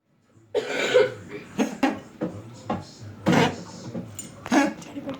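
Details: Child coughing in repeated short bursts, about five coughs, with faint room noise between.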